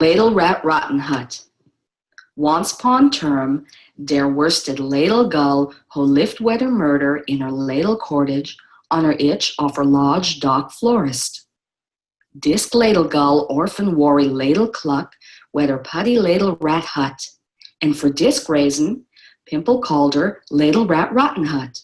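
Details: Adult speaker reading aloud; auditory processing disorder simulation.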